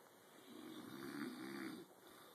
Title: STOP SNORING!!